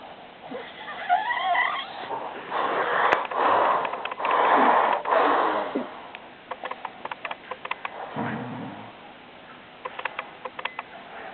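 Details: Cousin who claimed not to snore, asleep: loud, rough, rattling breaths with croaking, fluttering noises and a low grunt between breaths; snoring.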